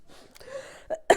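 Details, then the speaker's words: Adult woman presenter on live TV coughing after attempting a voice impression: a soft strained vocal sound, then two short, sharp cough bursts, briefly sounding like choking. "I went to do the Frank Butcher and then literally made myself cough. £10. I sound like I was choking then for a second."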